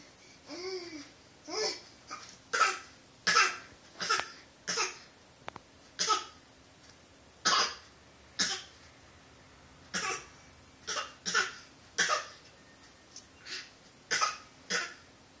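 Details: Young child giving a run of short, deliberate, voluntary fake coughs mixed with babbling in a quiet room.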